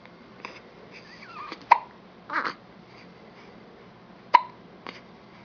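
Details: Infant with hiccups while sitting on father's lap: two sharp, abrupt hiccups about 2.6 seconds apart, between soft baby babbling and breathing sounds.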